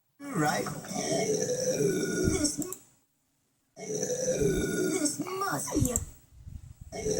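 Two long, rumbling voiced belches separated by a short pause; loud burping.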